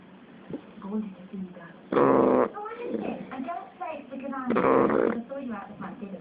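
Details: Nine-week-old female Shar Pei puppy snoring in sleep: loud, rough, buzzy snores every couple of seconds with softer snuffly breaths between; owner says she snores like this all night.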